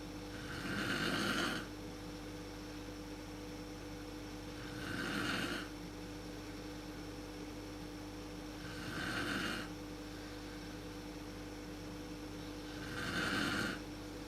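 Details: Mother's snoring recorded in the dark with a PowerShot SX130IS camera, worse at sleep onset: regular snores about every four seconds, roughly 15 a minute, over a steady room hum.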